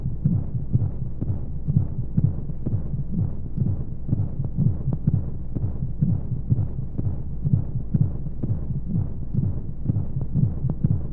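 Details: Womb-sound sleep aid for babies with white noise: steady low muffled heartbeat thumps at about 125 a minute over a soft rushing hum of flowing sounds, as heard from inside the womb.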